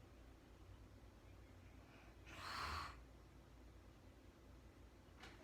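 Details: Real-time recording of a woman snoring during sleep, no talking: one short, snorting inhalation against a quiet room, then soft breathing; snoring.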